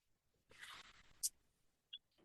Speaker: That noise you hear is my ventilator.